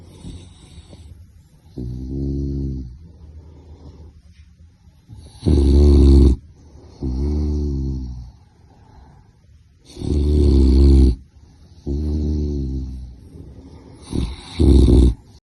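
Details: A sleeping puppy snoring: alternating rumbling snores and louder snorting breaths in slow cycles, about 13 a minute, with music in the background.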